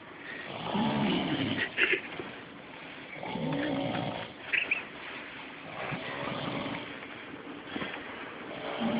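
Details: Man asleep, recorded on an Android phone; repeated rough, vibrating snores with breath cycles about every two to three seconds over light room noise: ordinary snoring.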